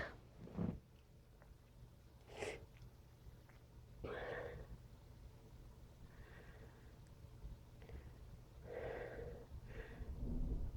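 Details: Person's repeated sneezes: a run of forceful bursts of air, some preceded by an in-breath, over a low steady background hum.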